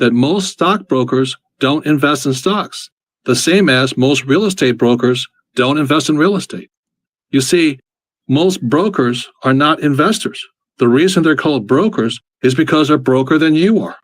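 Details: Adult male speaker; ordinary speech.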